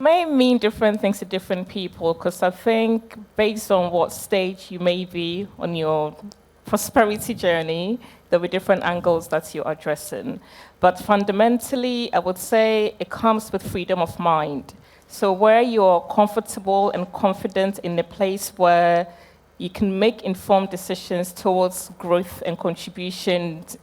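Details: Adult woman speaking; Normal voice.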